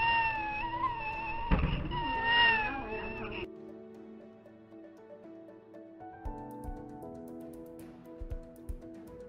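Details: High-pitched, thin, wavering mewing cry: cat-like cry (cri du chat).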